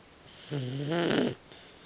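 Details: Boxer puppy napping with a single low, rattling snore under a second on the in-breath, quiet breathing around it; she snores quite a bit; snoring.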